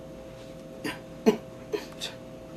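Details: 22-year-old man with Tourette syndrome and uncontrollable vocal tics, treated with tongue blades to calm the tics; vocal tics (Tourette syndrome).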